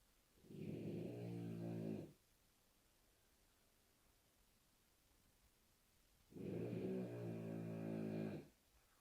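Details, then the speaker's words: Sleeping dog in a quiet room during a breathwork meditation session: two drawn-out, buzzing snores about six seconds apart. "My apologies if you can hear my dog snoring."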